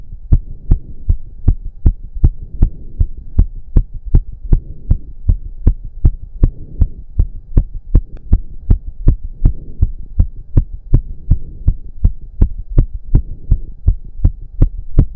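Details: Male during a roughly 15-minute intense cardio workout, with heavy breathing. Rapid, regular, forceful heartbeat of about 158 bpm with a steady hum; reported close to 200 bpm. Exercise-induced sinus tachycardia.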